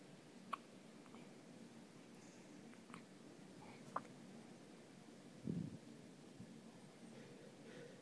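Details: Infant hiccups: quiet room with about four brief, soft catches spaced a second or more apart.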